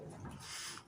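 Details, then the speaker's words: Reverse sneezing in a dog, possibly a short-muzzled breed such as French bulldog or pug: a brief harsh, snorting rush of air; episodes look alarming but are harmless. "эти приступы называются обратным чиханием выглядит жутко Но на самом деле они не страшны"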